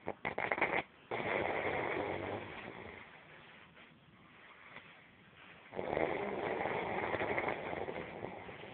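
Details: Snoring in sleep: rough, fluttering breath noises in long cycles with quieter pauses between.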